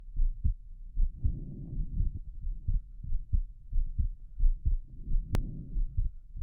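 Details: Adult's own heart auscultated with quick stops over the pulmonic valve and Erb's point, beating faster than usual from excitement, with a visible apex beat: normal heart sounds at a mildly fast rate.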